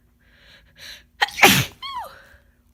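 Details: Person with a head cold: two quick breathy inhalations build up to one loud, explosive, wet sneeze, then a brief sniffly vocal exhale.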